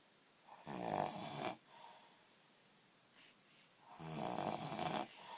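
Two long, rough, rattling snores on the in-breath, separated by a quiet pause; ordinary loud snoring.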